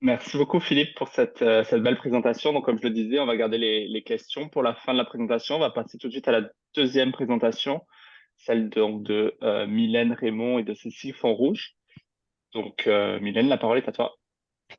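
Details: Adult male speaker; normal voice.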